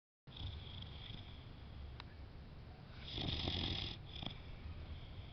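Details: Small female boxer dog sleeping peacefully: low rumbling breaths with a louder snorting snore near the end over steady room noise; snoring.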